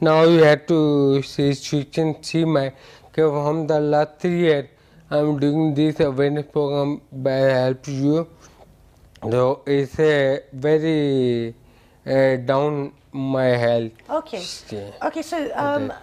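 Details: Adult male with ataxia affecting speech, balance, posture and gait, with walking and speaking problems developing gradually over years; a neurologist describes it as scanning speech; ataxic dysarthria.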